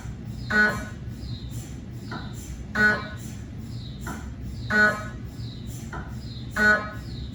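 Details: Cardiac MRI gradient noise from a GE 3T scanner with 8-channel cardiac coil scanning test phantoms: loud repeating buzzy tonal bursts about every two seconds over constant low hum.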